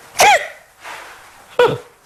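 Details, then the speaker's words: A child with Tourette syndrome makes a complex tic: grimacing, breathing in and making a vocal noise. The child reports feeling anxious and says the tics have worsened. "The tics I have is a complex tic here, where I grimace and breathe in and make this noise."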